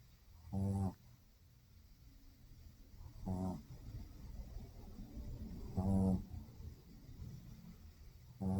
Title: World's loudest snoring Shih-Tzu